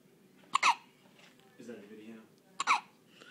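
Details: Infant hiccups, in a clip also said to include a sneeze: two sharp, squeaky catches about two seconds apart, with a soft vocal sound between them.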